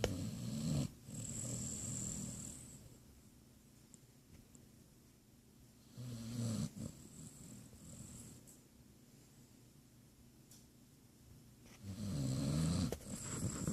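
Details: Basset hound snoring while asleep: deep, rumbling low-pitched snores in slow cycles with quiet breathing between them.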